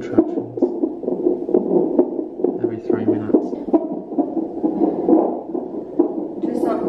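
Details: Rapid whooshing pulses at about 133 per minute with some room noise from a fetal monitor: fetal heartbeat during active labour, cervix five centimetres dilated, contractions about every four minutes.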